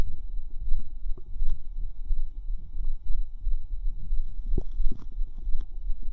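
Low, irregular gurgling and bubbling rumbles with occasional squelching pops; ordinary bowel sounds.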